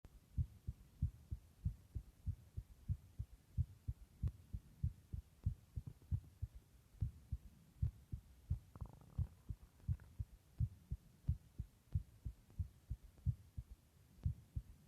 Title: Just my heartbeat sound (listen with headphones)